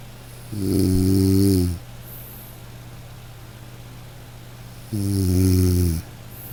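Two loud, low, rattling snores on inhalation, roughly four seconds apart, over a steady background hum.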